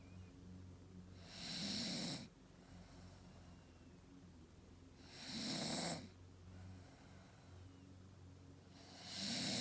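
Three hissing, rasping breath noises at a slow, even pace, about 16 a minute, over a steady low hum: snoring in a sleeping dog.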